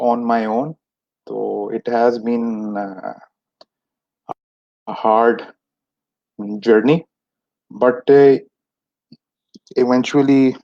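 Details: Stuttering in an adult man who has stammered since age 6; many speech therapies did not help him, and he is speaking about Toastmasters clubs in a session by stammerers for stammerers.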